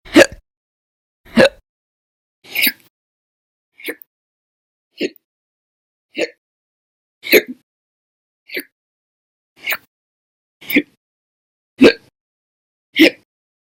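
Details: Persistent run of hiccups from an April 2020 hiccup recording: twelve short, sharp hiccups about a second apart, each an abrupt catch of breath.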